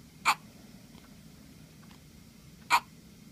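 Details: Two short, sharp hiccup sounds about two and a half seconds apart against quiet room noise; hiccups.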